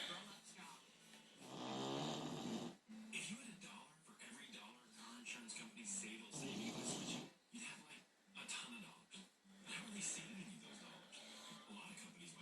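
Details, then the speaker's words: Female bulldog in deep sleep snoring: rough, rattling snoring breaths, partly masked by television music and talk in the room. "Payton is snoring she is in deep sleep"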